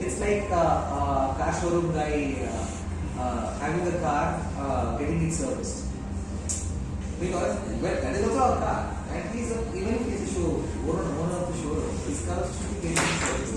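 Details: Adult man speaking; typical speech.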